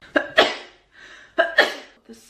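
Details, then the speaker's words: Girl sneezing: two quick double bursts, a sharp catch then an explosive release, with an indrawn breath between; a pair of sneezes. "so big. I'm going to sneeze. Bless me."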